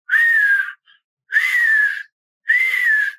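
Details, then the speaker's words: Three long, high-pitched whistling sounds with pauses, from a dog with chronic bronchitis: wheeze (sibilo), the whistling noise of narrowed small airways. "e o sibilo né aquele ruído de assobio vias aéreas pequenas estenosas"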